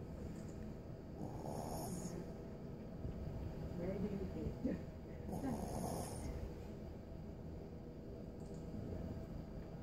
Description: This is my 5-month old Shihtzu boy sleeping soundly and caught snoring on camera